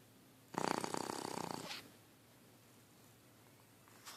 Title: Snoring Dog